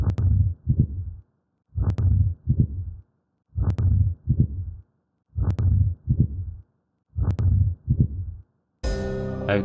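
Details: Heart sounds self-test question seven: regular heart cycles with a rough systolic murmur between the sounds and a split second heart sound, an ejection systolic murmur with split S2.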